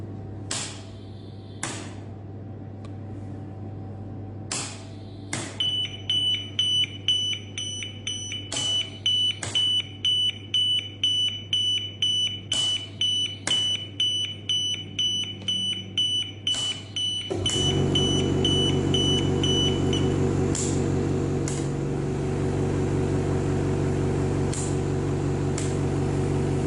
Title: Medical Ventilator